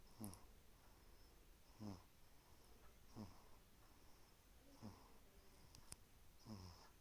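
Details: One-month-old baby snoring during sleep: soft, low snoring noises roughly every one and a half seconds, about 37 a minute, in a quiet room; infant snoring.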